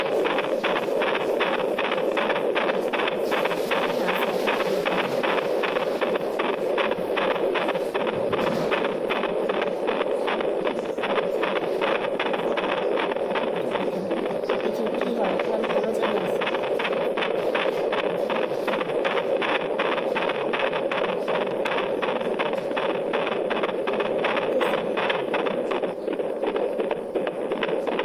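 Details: Normal fetal heart sounds detected bedside by Doppler ultrasound in a pregnant patient: rapid rhythmic whooshing pulses over a steady hiss.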